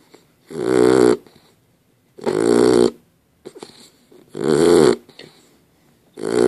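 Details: A sleeping dog gives loud, rumbling snores about every two seconds, each a long harsh in-breath, with quieter snuffling between: ordinary snoring.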